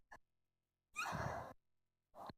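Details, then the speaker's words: Sneeze: a short intake of breath, then a single loud, explosive sneeze, followed by a brief breath. "Ой, сейчас чихну, слушай."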